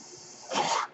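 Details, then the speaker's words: Speaker's own mechanical ventilator heard during podcast speech: soft steady hiss rising into a brief, louder rush of air as a breath is delivered; mechanical ventilator breath sound. "my name is that noise earrings my ventilator"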